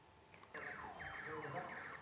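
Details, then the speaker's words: Intraoperative gamma probe over a sentinel lymph node in a very thin patient with a ventral tongue tumour dual-injected with radiocolloid and ICG: rapid electronic tones rising from quiet as counts are found, a dual-signal node. "you can hear that that's got the dual signal in it."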